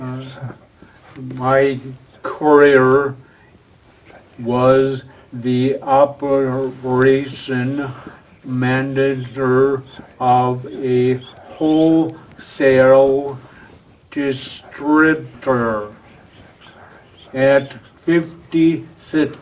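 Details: Adult man with aphasia following a stroke about 2.5 years earlier, a former professional attending an aphasia conversation group for support and communication practice; real patient speech showing aphasia.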